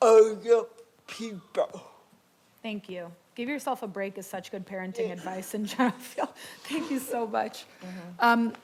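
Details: Adult woman speaking, with a brief reply from another voice; typical speech.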